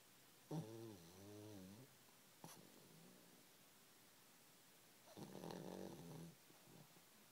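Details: Sleeping pug snoring: two drawn-out, pitched snoring breaths with a soft snort between them; snoring.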